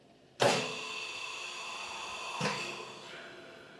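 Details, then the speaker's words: Sharp mechanical click, a long hiss, then a second click about two seconds later, as a time-cycled Equivent large animal anaesthesia ventilator for horses cycles on a simulator at about 15 cmH2O peak pressure. "on the simulator here I've got a pressure coming up to about 15 centimeters of pressure which is probably a little bit low for a horse"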